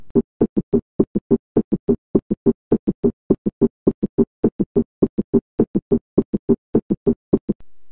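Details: Summation gallop: at a rapid heart rate, S3 and S4 fuse into a single diastolic sound.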